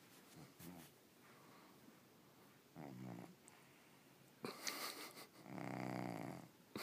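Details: Low, buzzing snores with each breath from a sleeping cat, with quiet pauses and faint rustling; the cat resists being woken; snoring.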